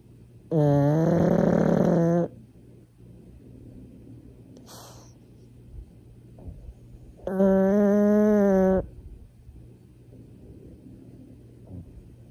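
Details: Pug, possibly awake with eyes open, snoring: two loud, rough, buzzing snores with a brief snort between, over quiet room noise.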